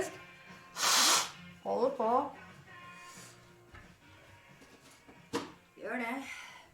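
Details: Sneezing: one loud, explosive sneeze followed by brief voiced sounds and a later sharp sniff, from a person chatting in Norwegian with quiet background music.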